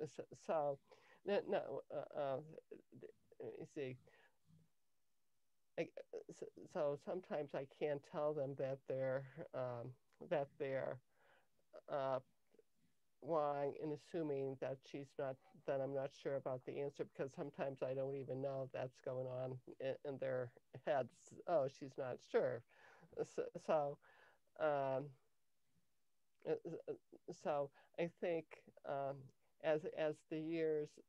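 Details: Cluttering in an adult woman, onset in early childhood; language-area speech problem diagnosed at age 10, later identified as cluttering by her speech therapist; trouble organizing thoughts while speaking.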